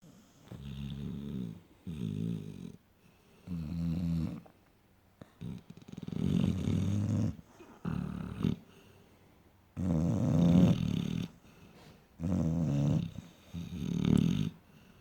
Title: Stereo snoring !